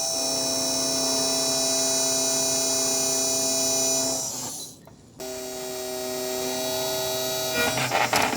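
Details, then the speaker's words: Dental implant placement demonstrated on a 3D-printed patient model: steady high-pitched motor whine of a 3.7 mm surgical drill going to 10 mm depth, a brief stop, then running again; implant osteotomy site drilling. "Next we'll take the other drill, that is 3.7. Place it, lock it into place like this, and then we are going to go there, going to go in till 10 millimeters."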